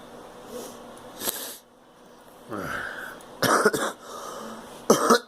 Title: Girl coughing